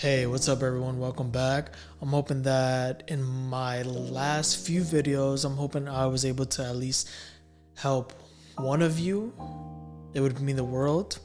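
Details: Adult who stammers, speaking about dating with a speech impediment; stuttering.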